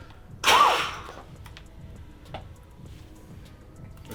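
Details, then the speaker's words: Peak flow test during a strongman athlete's medical: after a big breath in, a single sudden, forceful half-second exhalation into the meter, hard and fast, then quiet room noise. "you put you put your hand like that you pass your lips around it as hard and fast as you can"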